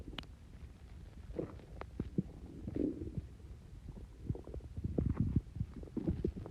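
Low gurgling and rumbling bursts of stomach growling after a fizzy drink, ordinary gas movement in the gut.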